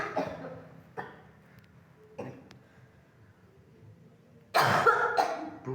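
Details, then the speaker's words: Frequent dry cough at home, attributed by the speaker to a spirit; several short, dry, unproductive coughs with a throat-clearing quality, separated by quiet gaps. "Uh, batok kering, Gen. Batok kering, Gen."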